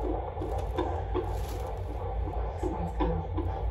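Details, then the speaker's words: Fetal heartbeat on Doppler at a prenatal doctor's visit, baby girl very active and moving away from the probe: fast, muffled whooshing pulses over a low rumbling hum. "So yeah, and the baby, y'all heard her heartbeat. I told the doctor, I was like, she's not gonna stay still."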